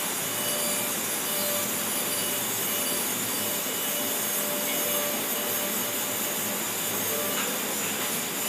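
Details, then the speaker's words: All-ceramic crown preparation demo, supragingival shoulder finish line: continuous high-pitched grinding and hiss of a dental burr held along the tooth's long axis, cutting tooth. Dental drill grinding tooth. "See the angle of the burr? Continuously kept long axis."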